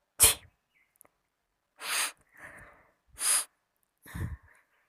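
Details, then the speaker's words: A deliberately demonstrated "silent" sneeze: soft, suppressed "chhee, chhee" sounds. "तो आज का जो हमारा पहला स्नीजर है वो है साइलेंट स्नीजर। देखिए, छी, छी।"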